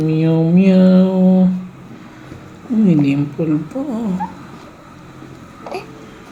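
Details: Newborn just after a normal delivery: a long voiced wail, then shorter rising and falling cries in a quiet room; a normal newborn cry.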